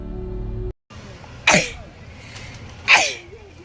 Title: Uncovered natural sneezing compilation